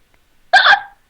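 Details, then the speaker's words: Adult with hiccups: a single sudden, sharp voiced gulp. "oh gosh I think they're gone are they gone yeah I think they're gone right when I start recording ridiculous why do hiccups exist"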